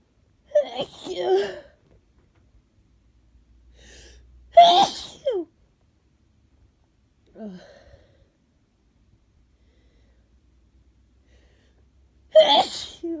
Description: Yet more cold sneezes. Some of these are induced, some are not. I feel so grim right now.